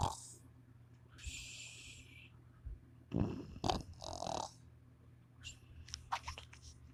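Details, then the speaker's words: Male person snoring while asleep in a room where others are also sleeping: irregular rough snorting breaths and snuffles over room hum, with a few sharp noises. "Bro, I know if you can you guys hear him? Dude, this shit is snoring. Like snoring."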